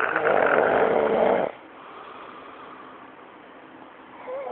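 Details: Sleeper snoring, recorded on an Android phone: one loud, rough snore on a breath, then quiet breathing.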